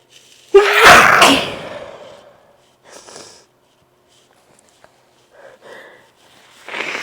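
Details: Repeated sneezing from a nose made oversensitive by intense congestion-clearing during an earlier sneezing fit that morning, less than an hour later: one loud explosive sneeze followed by sniffs and quick breaths.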